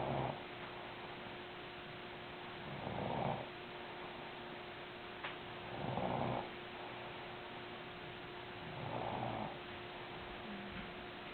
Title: My wife snoring